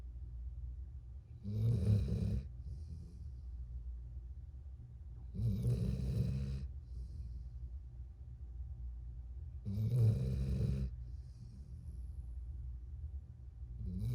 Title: Adorable Dog Snores While Sleeping Next to Owner - 1259411-2